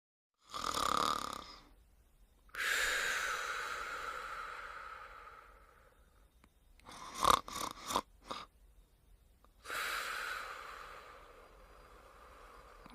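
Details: Two long, harsh, rasping snores separated by a pause with a few short snorts between them, heard during sleep: snoring.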